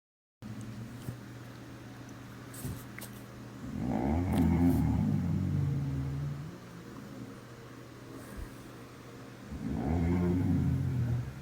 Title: Snores like a Gorilla 🦍🦍🦍